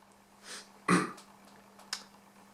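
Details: A brief acted cough in a scene, simulated not real: a soft throat sound, one strong cough burst, then a short sharp cough.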